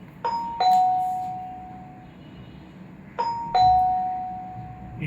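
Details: Two identical two-tone electronic chimes about three seconds apart: the call alert of a wireless nurse call display panel, demonstrated as a call is made from a room call point.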